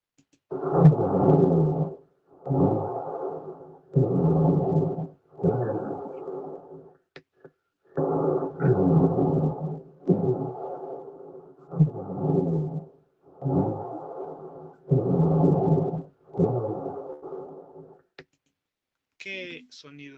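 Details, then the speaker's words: Low-pitched, snoring rumbles that start soft and build with each breath, unlike constant vesicular breathing, played as an exam practice audio: rhonchi. "Ahora, escuchen esta diferenciación de entre este roncus y el murmuyo vesicular de que este empieza de poco y incrementa."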